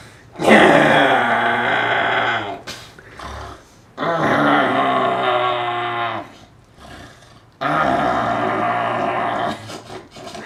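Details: Heavy snoring: three loud, rough, growling snores of about two seconds each, separated by quiet pauses, at roughly 17 a minute.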